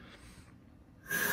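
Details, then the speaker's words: Pneumatically powered, time-cycled ventilator with inspiratory and expiratory time and flow pressure controls, no electricity, running a demonstration patient circuit: soft hiss then a sudden loud rush of gas; ventilator cycling. "this is a time cycle pneumatically powered by later with inspiratory and expiratory time controls as well as a flow pressure control"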